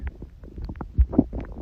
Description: This ultimate new video features a true crime dark history narrative with stomach growling and stomach sound asmr on a real girl.